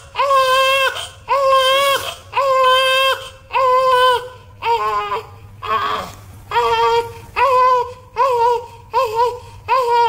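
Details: Newborn baby boy crying: repeated loud, high-pitched bursts about once a second with brief breaths between them; typical newborn crying.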